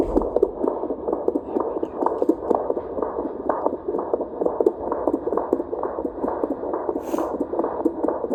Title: Baby’s heartbeat Sound (38 weeks pregnant)